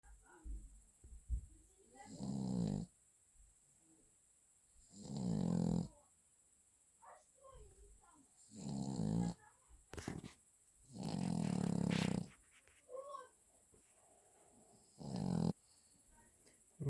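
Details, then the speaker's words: Sleeping dog, apparently a Cavalier King Charles Spaniel, snoring loudly: rough, rattling snores with each breath, about five in seventeen seconds, with quiet gaps and softer breath noises between. Heavy snoring. "теперь скажите мне вы смогли бы заснуть под такую какофония нежнейших звуков от чрезвычайно предано"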